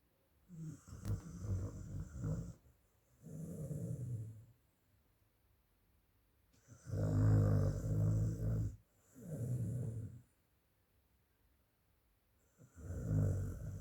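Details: Dog sleeping with loud, low, rough rattling snores, about five breaths over fourteen seconds with silent pauses between: snoring.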